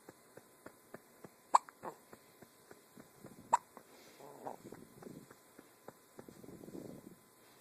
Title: Hiccups!